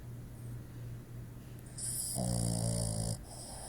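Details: A dog snores with a low, rattling sound on the breath, building into a louder snorting snore with a whistly edge; snoring.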